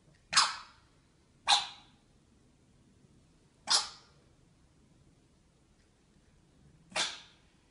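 Four sharp, brief, hissing bursts spaced irregularly over several seconds, fitting a cat's coughs or hiccups.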